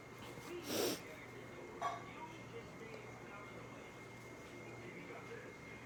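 A single sharp sneeze burst followed by a smaller sound, over quiet room noise; sneezing.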